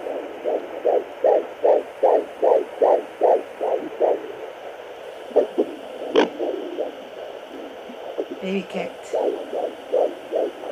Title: First time using my contact pocket fetal doppler 16 weeks pregnant